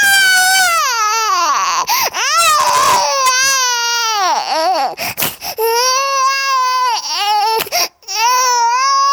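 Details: Hungry infant crying loudly and continuously in long, high-pitched, strained wails, offered as a sound effect; hunger cry.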